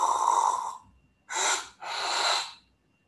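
Harsh noisy breath, a silent pause, then two loud gasping breaths; recovery gasps after an obstructive apnea in sleep.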